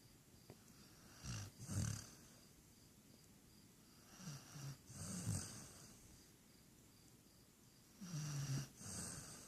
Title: snoring part 1